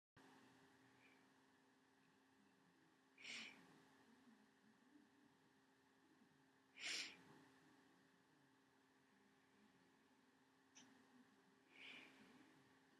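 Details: Person with flu sneezing while congested: four soft, hissing sneezes spaced apart over a steady background hum.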